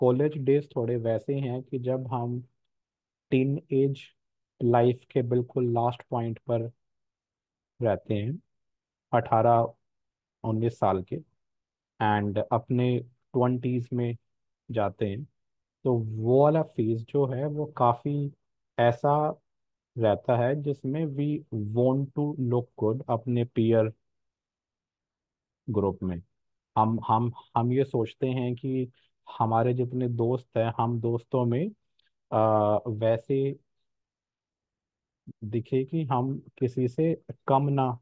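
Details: Adult male host who describes his own stammering, speaking with repetitions during a workplace discussion; stuttering.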